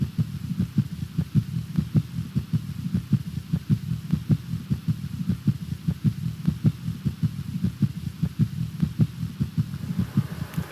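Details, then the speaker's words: S3 gallop teaching example: fast, regular low heart sounds near 100 a minute with an extra soft third sound, rapid ventricular filling, a sign of congestive heart failure in a symptomatic person. "the s3 gallop is rapid ventricular filling sign of congestive heart failure in a symptomatic person s3 gallop always means that you need immediate therapy with a diuretic"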